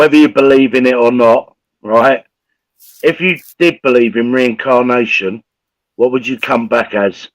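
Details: Adult man speaking; Normal speech.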